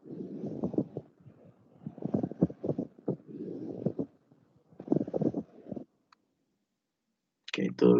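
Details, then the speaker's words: Rough, creaking, grating bursts come and go over several seconds with a pause between groups, as the pleural layers rub together; tumors pressing the pleurae together are named as one possible cause. A voice starts at the end: pleural friction rub. "aunque también podemos encontrar un frote pleural en tumores cerebrales porque porque este tumor nos bastará compactando las 2 p horas bueno la pleura con la otra y se escucha así como esto junto a otros y mucho"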